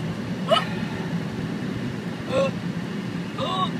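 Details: Hiccups: three short, sharp voiced hiccups about a second or two apart over steady vehicle noise.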